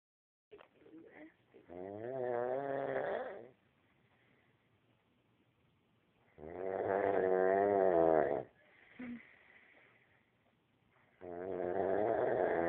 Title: Funny snoring man 2